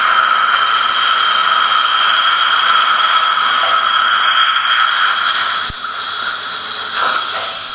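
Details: Steady high-pitched whining hiss of a dental surgical drill with a brief click partway through, during immediate implant placement in the aesthetic zone after a fractured tooth; cone-beam scan showed a small bone defect.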